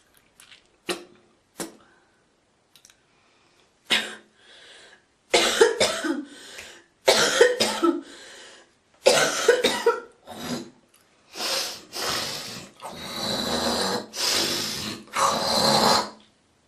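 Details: Girl coughing, hawking and spitting: several sharp coughs followed by repeated harsh throat clearing and hawking, with spitting; productive-sounding cough and throat clearing.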